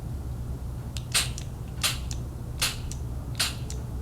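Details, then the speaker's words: Priming a metered dose inhaler in a COPD inhaler-technique demonstration: shaken, cap removed, test sprays released into the air away from the face; four short, sharp hissing puffs over a low room rumble. "priming your inhaler involves shaking it well removing the cover and dispensing test sprays into the air a couple times make sure you hold the inhaler away from your face so the drug does not get into your"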